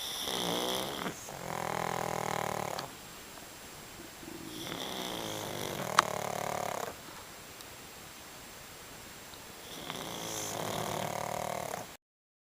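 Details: A sleeping pet snoring: loud, rattling, long drawn-out snores with quieter gaps between them, in a quiet room; ordinary snoring.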